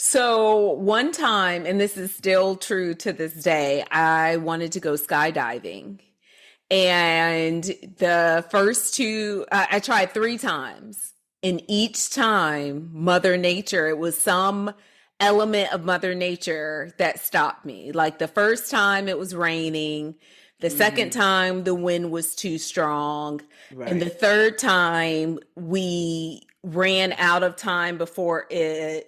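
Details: Adult woman speaking; normal speech.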